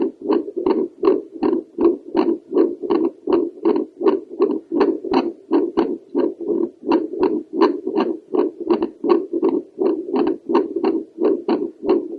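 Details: Doppler recording of a woman's own heartbeat over the pulmonary valve area (mitral valve possibly heard behind): regular whooshing pulses of blood flow at about 80 a minute, in a steady rhythm.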